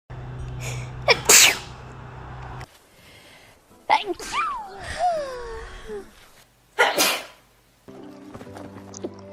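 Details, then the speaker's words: Compilation of sneezes from different girls and boys cut together: several separate sneezes, with one person saying they had been fighting the sneeze off, brief voices and background music between. "i'm sorry bless you i could i was fighting that off for a while oh"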